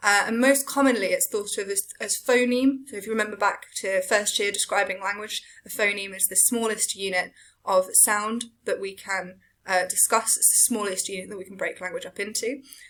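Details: Adult woman lecturing; fluent speech.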